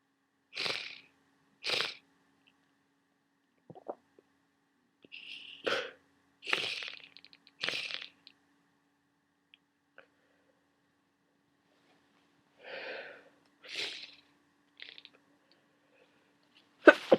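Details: Worsening common cold: a series of short, hissing bursts with quiet gaps, repeated sniffs and sneezes; sneezing and sniffling.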